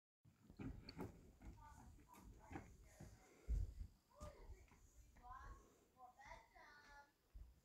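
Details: A loud burp: a deep, guttural, drawn-out voiced belch rumbling amid background voices, with a sister present.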